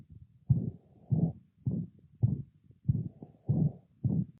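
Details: Systolic murmur of mitral regurgitation in a dog, a whooshing murmur blurring each heartbeat at about 95 beats a minute.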